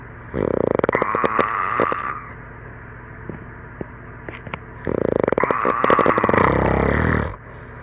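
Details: Adult asleep after a campfire and some beers, filmed by a friend, snoring: two loud, rattling inspiratory snores, each about two seconds long, with quiet breathing between; likened to a tree frog.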